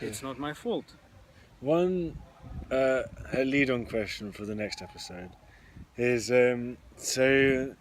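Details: Adult who stammers: stuttering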